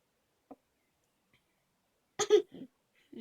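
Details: Kid with hiccups in a quiet room: a few short, abrupt hic sounds, one a louder double burst.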